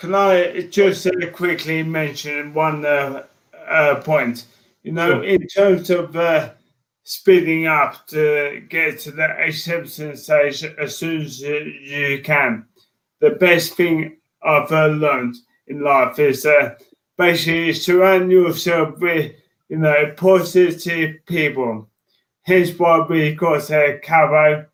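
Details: Man diagnosed with motor neurone disease in January 2018; he reports his speech became slow and slurred. Dysarthria (motor neurone disease).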